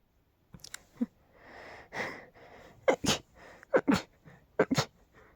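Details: Rapid fit of big, loud sneezes, attributed to dust and pollen: about seven forceful, explosive bursts within a few seconds, some in quick pairs.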